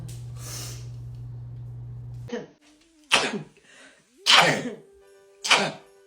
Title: TikTok Rapid Sneezing Compilation 7